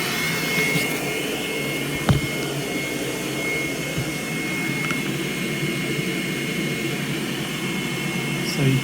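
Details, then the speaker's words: Steady whirring blower with a faint high whine and soft clicks: a prototype low-cost Arduino-based electric blower ventilator running, with the exhaust valve opening on exhale and customizable period, volume and respiratory rate. "the exhaust valve opens on the exhale part of the cycle and the period and the volume and respiratory rate are all [Music] uh customizable"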